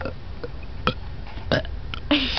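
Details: Burp contest: several short, throaty voluntary belching bursts over background noise and chatter.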